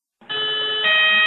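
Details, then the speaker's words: Low airway pressure alarm of an AS 2000 anesthesia machine ventilator during a pre-use check, triggered when airway pressure stays near zero for three consecutive cycles: steady electronic alarm tone that shifts pitch partway. "la presión en la vía aérea sea cercana a cero por tres ciclos consecutivos se disparara la alarma de baja presión"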